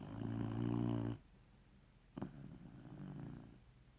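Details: Snoring in a sleeping pet, male, snoring like a person until the air conditioning came on and woke him: a loud low rumbling snore, then a pause and a second softer snoring breath.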